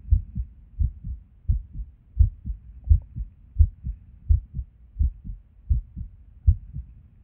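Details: Resting heartbeat recorded while sitting at a desk, often skippy with and without reason. Beats near 85 a minute with an uneven rhythm and occasional skipped beats; irregular heartbeat with skipped beats.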